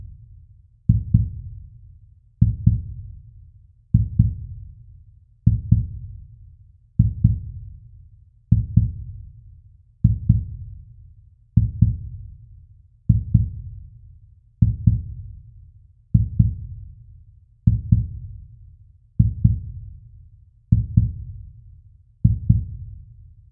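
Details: Sound-effect recording of a slow heartbeat: regular, deep double thumps at about 39 beats a minute.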